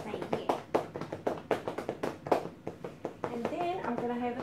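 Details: Chest physiotherapy for cystic fibrosis airway clearance, using a cupped hand or handheld percussor, two minutes per position over two lobes: rapid hollow clapping thuds with a voice near the end. Chest percussion.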